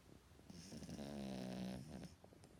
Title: snoring HD